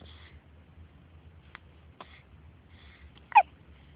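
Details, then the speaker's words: Baby hiccuping: several brief, sharp hiccup sounds over a few seconds in a quiet background, the last one loudest. "you know my kids the hiccups hiccuping baby you sound like the pass off bob wilson opposite trouble"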